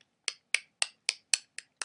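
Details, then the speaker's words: Person with Tourette syndrome and OCD, a newer tic done often at school: a fast, even run of sharp, dry clicks made with the cheek. "I make this little clicking noise with my like with my cheek like I'll just like it's weird but I do it like a lot"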